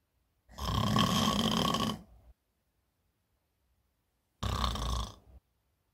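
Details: Adult woman snoring heavily in bed, from a staged comedy sketch that is likely acted: loud, rough, rattling breaths, one long and one shorter; snoring.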